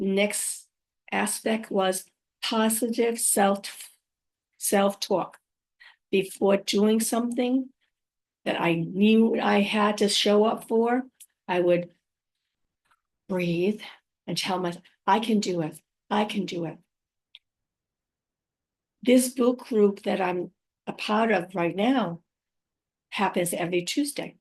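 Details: Woman five years after a stroke, who says she has aphasia, apraxia of speech and dysarthria; aphasia with apraxia of speech and dysarthria.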